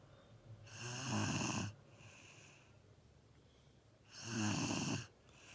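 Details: Snoring in a sleeping subject: two loud, rattling snores on inhalation, about three seconds apart, with quiet breathing between them.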